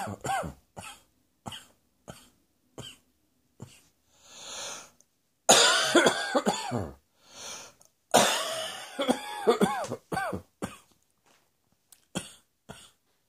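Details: Morning reflux cough: repeated short, dry coughs in quick runs with brief inward breaths, a persistent cough linked to reflux.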